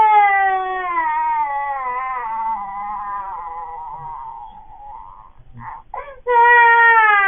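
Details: Baby startled by the father's sneeze: loud, strained, wavering wail that fades, then catches a few breaths and starts crying again; an ordinary startle cry.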